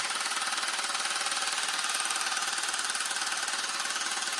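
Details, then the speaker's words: A handheld at-home low-intensity shockwave device for erectile dysfunction, applied to an adult man's penis, making loud, steady rapid tapping of about 160 pulses a minute. He reports no pain. "All you guys can do is just hear how loud it is. But no pain at all."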